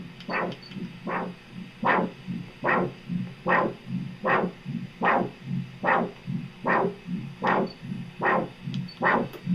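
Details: Triphasic arterial Doppler signal from continuous-wave Doppler of a leg artery, with clear three-phase waveform after the probe is repositioned for a better window.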